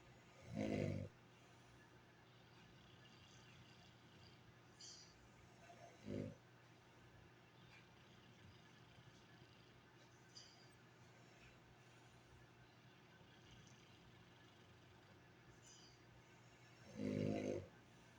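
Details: Sleeping animal, possibly a dog: occasional short, low, rough snorts over steady background hiss, three clear snores in about 18 seconds; snoring.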